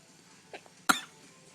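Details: An infant struggling to get out a sneeze that won't come: a faint catch followed by one short explosive burst, a single cough or stifled sneeze.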